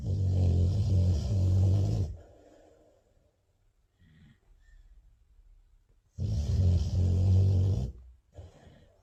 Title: Dog sleeping and snoring #dogs #pets #cuteanimals #dogshorts #funny